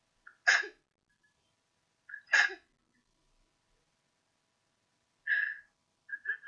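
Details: Sneeze sounds captured with a piezoelectric sensor in an experimental LabVIEW test: sneeze.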